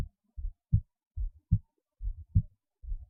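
Regular paired lub-dub heart sounds at about 72 beats a minute, clean with no added noises.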